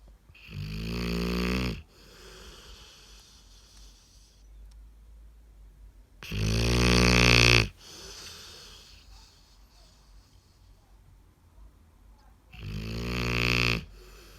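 Three buzzing, vibrating snores about every six seconds, with quiet breathing between: a dog snoring in sleep.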